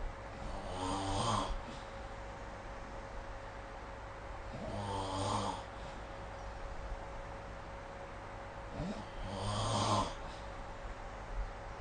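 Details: Snoring during sleep recorded with the SnoreLab smartphone app: three rough, low snores on breaths in, about 13 a minute, with steady room hum between.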